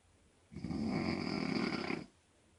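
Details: A mother snoring: one loud, sustained, harsh buzzing snore lasting about a second and a half, in a quiet room.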